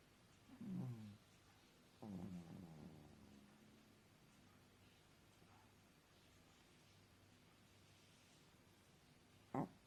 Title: Foxy snoring 😴 ,ฟ็อกซี่นอนกรนเสียงดังค่ะ😆😆27/9/20